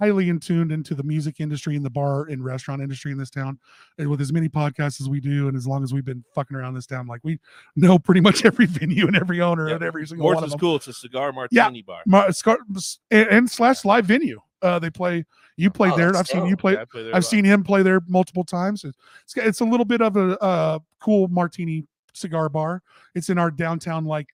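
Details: Adult man speaking; ordinary speech.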